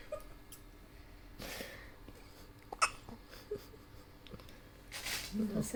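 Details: Several short, abrupt catches in a baby's breathing, with a soothing adult voice and room noise; infant hiccups.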